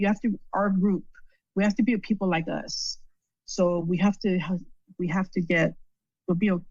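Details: Adult female stroke survivor with post-stroke aphasia and word-finding difficulties. Finding: aphasia.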